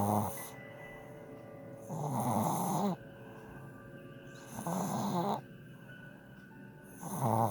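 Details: Sleeping puppy snoring: regular rough snores every two to three seconds, roughly 24 per minute, with steady background music; ordinary snoring.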